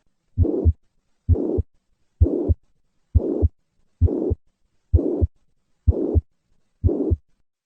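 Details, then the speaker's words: Mitral regurgitation: harsh holosystolic murmur of constant intensity extending to second heart sound, regular rate about 65 a minute, at rest then louder with hand grip maneuver. "Mitral regurgitation will increase in response to hand grip maneuver. Listen to the change in this murmur with a hand grip maneuver."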